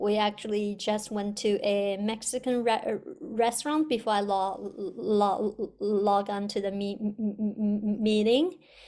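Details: Stuttering in an adult, with audible sound and part-word repetitions.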